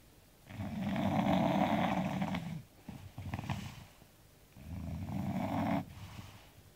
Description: Daisy the Bulldog snoring after a hard day doing nothing.